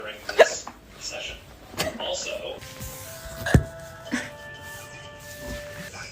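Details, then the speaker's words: Person with hiccups recurring throughout the day after seeming to stop: two sharp, abrupt throat catches a few seconds apart, with music and room noise behind; hiccups. "Thought they were gone. I guess not."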